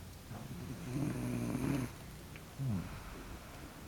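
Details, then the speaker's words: Two low, rough, vibrating snores with a short gap between them, in a quiet room, from a sleeper lying in a bad position: snoring. "está roncando el pato mala posición entonces ahorita ahorita está ronca está cargando un montón"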